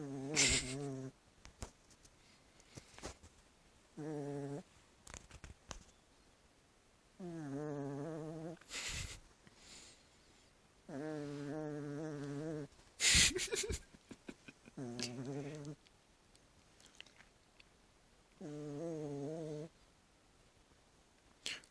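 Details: Sleeping Chihuahua snoring: high, whistling, wavering tones on its breaths, about 16 a minute.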